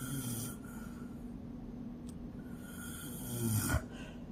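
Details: A mother snoring, described as sounding like a woodpecker: low, continuous snoring breaths with a rough rattle, ending in a sharper snort; ordinary adult snoring.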